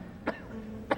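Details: Two short, dry, acted coughs over quiet background music in a scene from the TV drama Monk; coughing.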